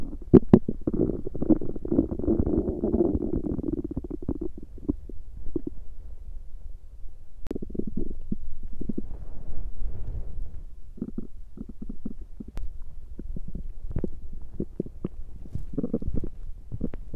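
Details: Long low rumbling growl, then scattered gurgles and squelches from a person's own belly; stomach growling (borborygmi).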